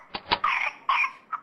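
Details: Whooping cough (pertussis): two quick hacking cough bursts followed by high-pitched, crowing whooping inhalations.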